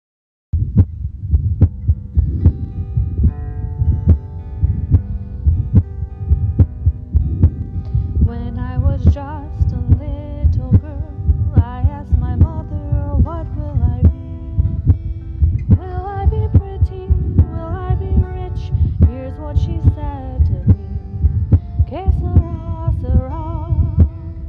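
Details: Hospice patient's (female) heartbeat recording: steady, regular heartbeat thumps set under the song "Que Sera Sera" with singing, made as a music therapy legacy project.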